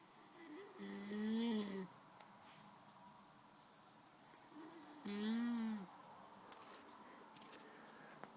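Two long, droning, tonal snores on the in-breath, about 15 a minute, each rising then falling; quiet room between.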